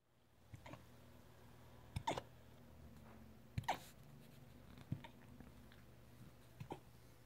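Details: Siberian husky puppy with hiccups: faint, irregular small hiccup sounds about every second or two in a quiet room.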